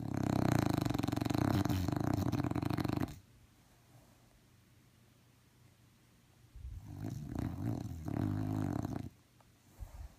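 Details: Snoring from a sleeping dog: two long, loud, rumbling snores with a quiet pause between them.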